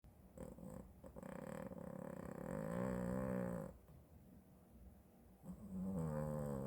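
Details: Loud, rumbling, buzzy snoring in long drawn-out pulses from a sleeping cat; unedited audio of his everyday snoring.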